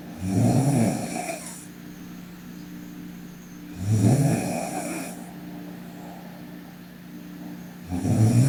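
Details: Sleeping girl snoring: three loud, rattling snores on inhalation, roughly 14 breaths a minute, with quiet exhalations between; ordinary sleep snoring, with snorts and throat-clearing nearby.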